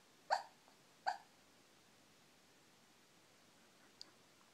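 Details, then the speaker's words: Shih Tzu dog making noises while dreaming in her sleep: two soft, short yips or hiccup-like sounds and a faint squeak; normal sleep vocalization. "Cleo, you having a little dream? Yeah. Having a little dream, baby girl."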